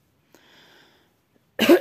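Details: Woman with a severe cough with sputum and wheezing, who says she sometimes coughs for hours: a soft throaty noise, a pause, then one loud, harsh, wet, rattly cough burst. Single productive cough.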